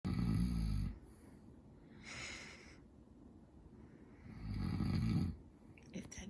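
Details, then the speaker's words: Baby's loud, deep rattling snores on each breath in, about two every six seconds, with quiet breathing between, while the father talks to the baby; snoring. "snoring keeping you awake, baby? Is Daddy's snoring keeping you awake? It's very loud, isn't it? It's a bit loud, isn't it?"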